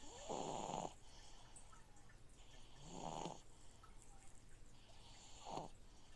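Rhythmic snores about 24 a minute over a steady hiss and bubbling of a fish tank filter.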